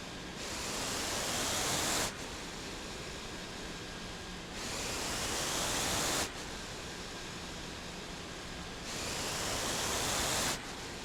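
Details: Mechanical ventilator sound from a home ventilator: steady hiss with airflow rising in regular cycles at about 14 a minute.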